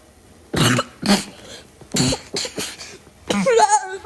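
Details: A run of about five harsh, loud coughs in quick succession, followed by a brief voiced sound; repeated coughing bout.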